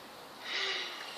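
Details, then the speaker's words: A brief, airy, hissing burst from a small cat held by people, rising and fading within about half a second; a cat sneeze, one of repeated sneezing. "poor cat yeah hey where you going nasty cat i hear the whole thing disgusting thing just leave him sneeze sneezy fresh"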